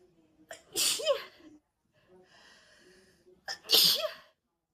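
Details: Two forceful sneezes about three seconds apart, each preceded by a sharp in-breath, from a red-haired girl during a sneezing fit, possibly allergy; edited looped recording.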